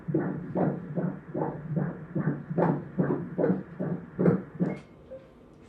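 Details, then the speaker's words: Fetal heartbeat by Doppler at a 34-week appointment in an IVF pregnancy, baby head down: rapid, regular whooshing pulses at 150 beats per minute, stated as normal. "okay there's a little heartbeating right there"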